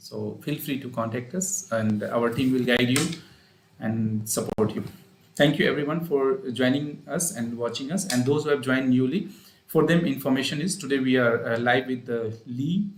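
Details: Adult male speaker; normal speech.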